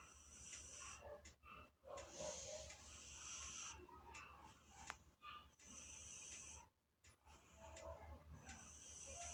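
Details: Sleeping British Shorthair cat snoring very loudly: raspy, snorting breaths with whistling edges, much like a person snoring.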